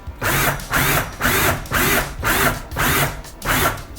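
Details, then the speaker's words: Repeated power drill bursts, about two a second, driving a centrally threaded 4 mm pin into a Sawbones bone model during a simulated SEAL rail fixation demo for triple arthrodesis. "as a rule of thumb I will drill until I see the most proximal portion of the thread disappear into the near side soft tissue of the"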